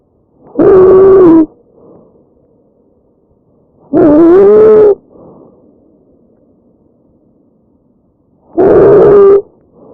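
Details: Real patient recorded over the trachea: loud, harsh, high-pitched musical sounds with each breath; tracheal stridor from a narrowed upper airway.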